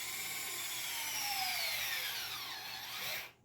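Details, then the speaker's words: High-pitched motor whine of an EZ-IO powered intraosseous drill driving the needle into bone, falling in pitch at loss of resistance as the needle gives way, then stopping. "when you start to drill you should drill until you feel the needle uh give way and there's less resistance stop drilling as soon as you feel"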